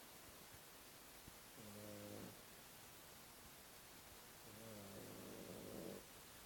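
Two soft, low, buzzing snores over a steady background hiss, each lasting under a second, about three seconds apart: snoring.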